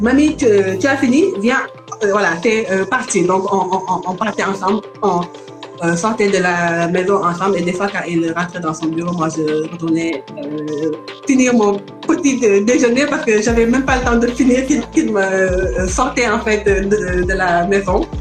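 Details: Stuttering in an adult woman from Senegal now living in France, with word repetitions.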